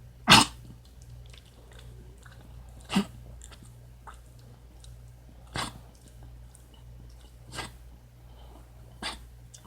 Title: Kennel cough?